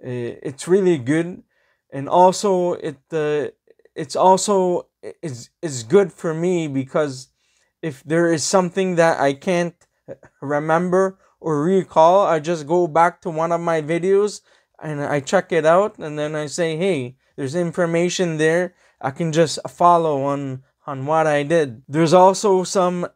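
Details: Adult man who has stuttered all his life, describing it as mild and varying with the situation, possibly worse when filming; he also has a hearing impairment and wears hearing aids; stuttering.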